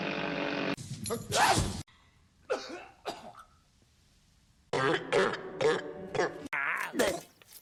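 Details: Acted movie coughs from a supercut of film scenes: short, harsh, repeated coughs and throat clearing with speech in between.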